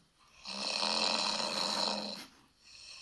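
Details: One loud, rough, rattling snore of nearly two seconds on an in-breath, replayed from a young, slim woman's night-time voice-recorder recording, with quiet room noise: snoring.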